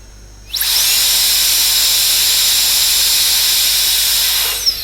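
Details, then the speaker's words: High-speed dental drill with a flame-shaped bur at 45 degrees whining steadily for about four seconds while bevelling the cavity margin for composite bonding, in a class 5 cavity on a maxillary first molar. "I am using a flame shaped burr now. It's a flame shaped burr which is used to prepare the margin. I am keeping the burr at 45-degree angle and just giving a bevel."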